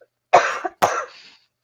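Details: Two short, forceful coughs from an adult podcast host, picked up by a microphone she thought was muted, each a sharp burst that trails off in a quiet room.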